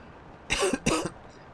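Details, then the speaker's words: Adult livestreamer who says they are perpetually unhealthy and cough a lot: two quick, harsh cough bursts in a quiet room. "I am perpetually unhealthy. So, you'll hear me coughing a lot. I'm sorry about that."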